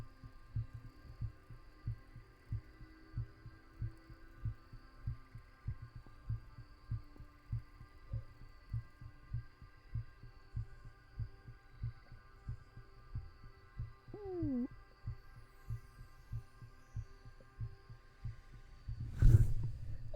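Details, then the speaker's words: A person's own heartbeat picked up by a microphone held under their shirt against the chest: steady, regular low heart thumps with a constant electrical hum behind them. "That's what I get for trying to put, like, try to put the mic, like, for y'all to hear my heartbeat."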